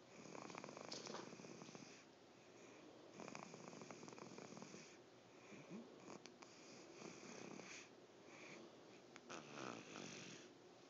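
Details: Ordinary snoring with steady, rough, rattling snores on each breath, about 20 breaths a minute, in a quiet room.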